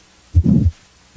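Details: Crescendo-decrescendo systolic murmur of aortic stenosis: two heartbeats about 80 a minute, with a harsh murmur between S1 and S2 that first rises in intensity, then falls.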